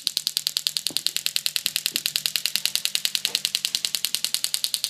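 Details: Horse with sacroiliac joint pain treated with a STORZ MASTERPULS VET shock wave unit with the DEEP IMPACT tip: rapid, regular sharp clicks at about 200 per minute.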